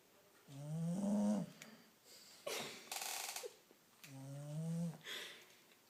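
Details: Female dog snoring while asleep in a repeating pattern, each cycle a rumbling groan-like inhale and a hissing exhale.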